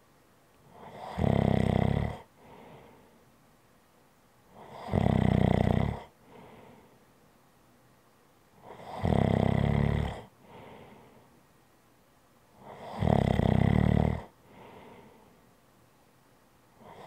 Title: ASMR Snoring Sounds - Relax with me